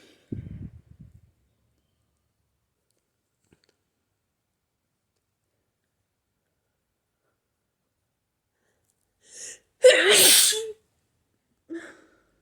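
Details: A sharp in-breath, then one loud explosive sneeze and a brief exhale after a long silence; a violent hay fever sneeze.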